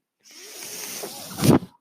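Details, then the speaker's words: Man's own mechanical ventilator heard in the background while he records a podcast: a soft rising airy hiss ending in a brief louder whoosh, one ventilator breath cycle. "hello everyone my name is brendan mark that noise you're here is my ventilator"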